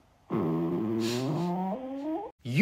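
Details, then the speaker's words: Borborygmi: a long, tonal, rumbling stomach growl whose pitch wavers and rises, from gas and fluid moving through the intestines, usually normal with hunger, digestion or between-meal gut movements. "You might know that sound as a gut growl, but I know it as possibly my favorite word of all time, borborygmi."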